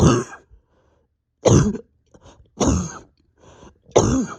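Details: Four loud, harsh coughs, each trailing into a strained throaty sound, from an adult with pain deep in the chest and stomach, awake over 32 hours, exhausted, bronchodilator not helping; painful cough.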